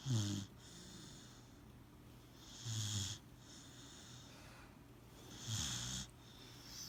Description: Cane Corso puppy snoring. Too cute.